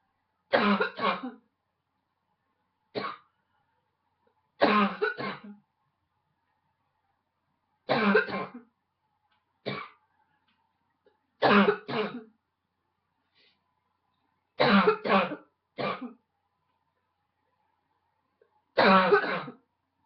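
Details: Barking cough: about nine short, harsh, low-pitched cough bouts, some doubled, with a seal-like barking quality, in a quiet room.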